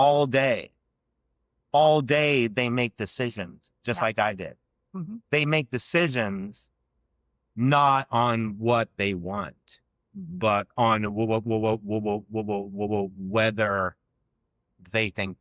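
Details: Adult man who has stuttered since childhood, variably, with years of school speech therapy; stuttering.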